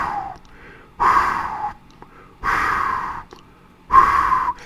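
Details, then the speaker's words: Vocal imitation of a pansystolic (holosystolic) murmur, as produced by mitral or tricuspid regurgitation: three even, steady breathy whooshes, each holding one intensity throughout systole. "so both these valves conditions tricuspid regurgitation mitral regurgitation will produce a pansystolic murmur and how will it sound like I've tried to I'll try to mimic here"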